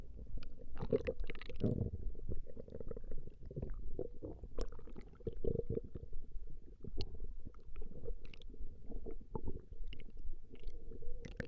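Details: Recording of a woman's stomach growling: continuous low gurgling and rumbling with bubbly pops from gut movement; ordinary borborygmi.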